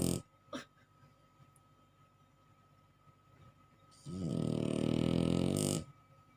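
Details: Sleeping bulldog snoring: brief snorting sounds, then a long, loud rumbling snore.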